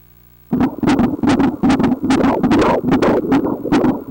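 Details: Rapid whooshing galloping pulses at about 150 a minute: a fetal heartbeat on ultrasound Doppler at 18 weeks of pregnancy, in the normal fetal range.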